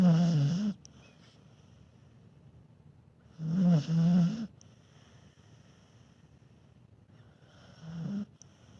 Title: Dog snores not too bad. Dog snoring when sleeping